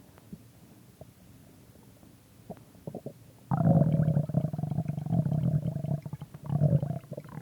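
Low bubbling rumble rising out of quiet and gurgling for several seconds; ordinary stomach growling.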